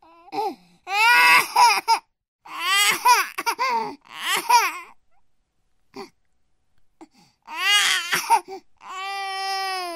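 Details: 9-month-old baby crying: bursts of loud wailing with short breaths and pauses between them, an ordinary infant cry.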